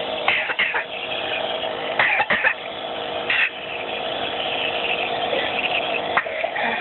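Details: Child coughing during a nebulizer breathing treatment: several short, harsh coughs over the nebulizer's steady hiss.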